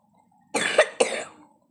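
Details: Two quick, harsh coughs in a row from a person who says they are sick.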